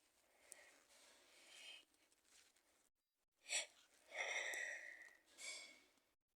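A sharp explosive sneeze, then further sneezing and breathy blowing sounds, in a quiet room.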